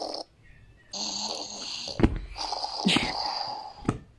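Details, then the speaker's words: A grandmother's snoring, recorded at night by a child sharing her bed and played back through a small phone speaker: two drawn-out, buzzing, whistle-edged snores on inhalation with short clicks between. "妈妈，你听一下，我录了奶奶打呼噜的声音。不是吧？你还录了奶奶打呼噜的声音啊？"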